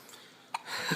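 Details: A single short, sharp catch in a quiet room followed by faint rustling, from one of twin girls with hiccups; hiccup.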